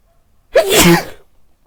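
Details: A person dressed as Santa Claus, wearing a facial mask and white headphones, gives a single loud, explosive sneeze with a short vocal tail; sneeze.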